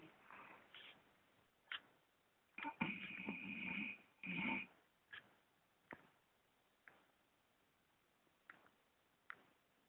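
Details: Sleeping bull terrier dog snoring: two rough, rattling snores among scattered snorts and sniffs in a quiet room.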